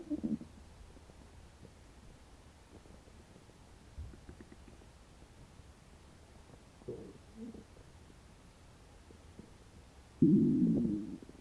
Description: i had not eaten for about 12 hours. sounds like my stomach is not okay with that....